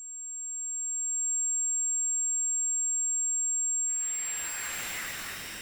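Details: Electronic recreation of one person's tinnitus: a steady, very high-pitched ringing tone, later joined by a hissing rush.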